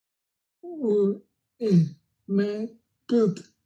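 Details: Woman with upper motor neuron (pseudobulbar) dysarthria; spastic (pseudobulbar) dysarthria.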